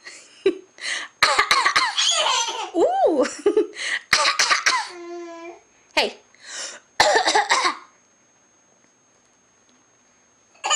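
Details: Baby girl gives a few brief, unstrained coughs mixed in with laughing, talking and babbling.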